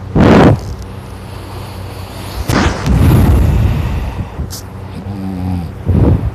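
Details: Person snoring loudly in sleep while drooling, recorded close up: loud, low, rough snoring noises with short bursts and a wet, rattly quality.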